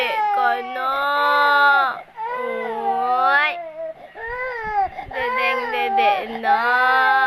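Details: Very hungry infant crying while the mother was busy doing laundry: long, loud, rising-and-falling wails with brief catches of breath between.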